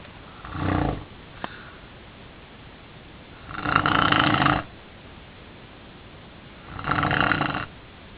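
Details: Adult sleeping, who believes they stop breathing for up to 40 seconds at a time; loud, harsh snores about every 3 seconds, quiet gaps between, steady background hiss: snoring.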